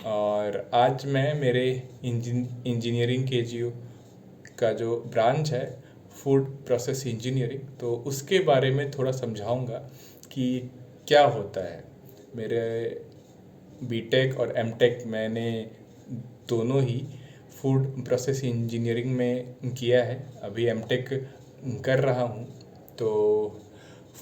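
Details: Adult man practising speaking while standing up as part of a stammering challenge; sound repetition heard on a word; stuttering.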